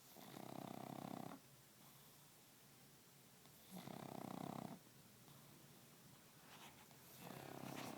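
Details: A pup snoring like an elephant: loud, rough, rattling snores about every three seconds, with quiet gaps between them, against a steady background hiss.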